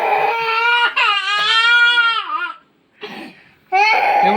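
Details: Toddler boy crying loudly after being asked whether his mother pinched him (on the leg or bottom): sobbing, wavering wails with brief catches of breath between them; ordinary crying.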